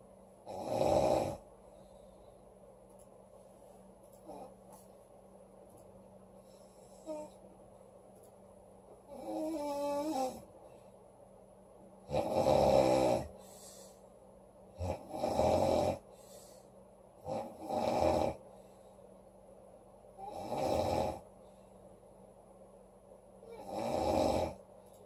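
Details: Loud snoring from a sleeping girl: rough snoring bursts, repeating irregularly about twenty times a minute.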